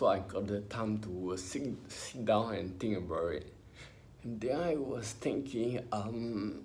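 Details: Adult man with spinocerebellar ataxia, diagnosed by a neurologist about 20 years earlier, in his early twenties; ataxic dysarthria.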